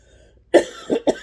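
Three short, abrupt coughs in quick succession, the first strongest; a brief dry coughing bout.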